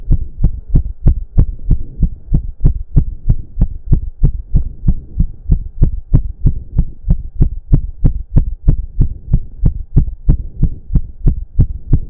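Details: Male's very fast, regular, forceful heartbeat at roughly 185-190 bpm over a low background hum, with heavy breathing, during a 15-minute intense cardio workout (stated close to 200 bpm); sinus tachycardia.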